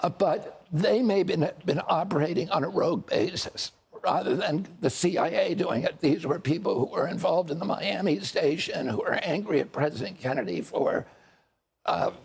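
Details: Adult man whose voice was very strong until age 42, when he developed a neurological condition he calls spasmodic dystonia that changed his voice; real spasmodic dysphonia.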